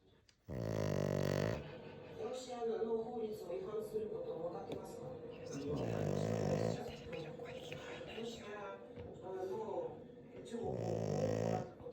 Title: ソファでイビキをかきながら眠る黒パグ!!A black pug sleeping while snoring on the sofa!